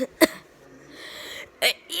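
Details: Autistic 8-year-old child: two short, sharp, dry cough bursts about one and a half seconds apart, with a quiet breath between; plain coughs.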